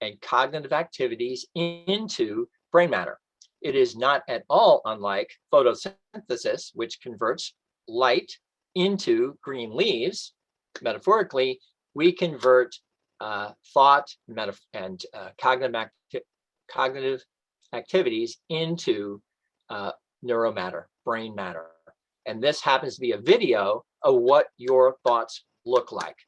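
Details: Aphasia in an adult man after a stroke, recorded reading aloud from a book during his two-year self-recorded recovery.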